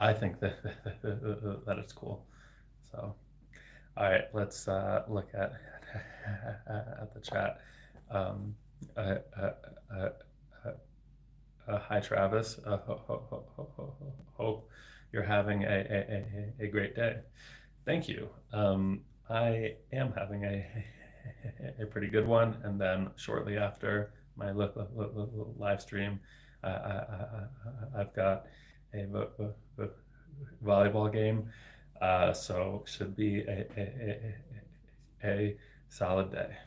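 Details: Adult man, a speech-language pathologist, with lifelong persistent stuttering for 26 years since age eight; includes repetitions and blocks, varying in severity; stuttering.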